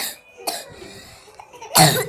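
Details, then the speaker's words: Child sick with flu, fever and cold coughs: three short, harsh coughs with quiet room background between them. "so I had some fever today. Anyway. And I had some cold. And it's a flu."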